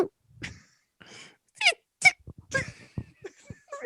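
An adult imitates small, high, squeaky stifled sneezes: short sharp bursts with little force behind them.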